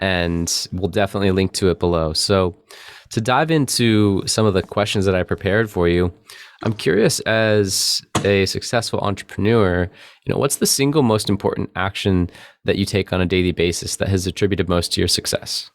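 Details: Adult male speaker; normal speech.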